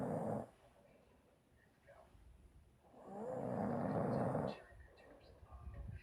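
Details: Female snoring: two rough, rumbling snores on the in-breath with quiet pauses between; ordinary snoring.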